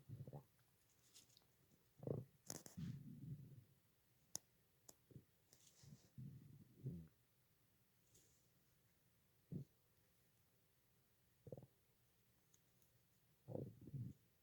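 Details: Stomach growling: intermittent low gurgles and squelching rumbles with a few sharp clicks in a quiet room; ordinary bowel sounds (borborygmi).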